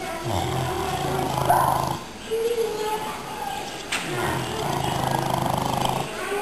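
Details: Deep, rough, rumbling grunting breaths repeated in cycles from a sleeping pot-bellied pig: snoring.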